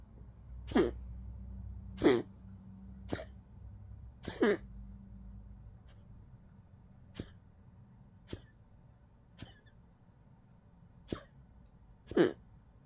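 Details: An old Poodle gives about nine short, dry, irregular coughs attributed to tracheal collapse; tracheal collapse cough.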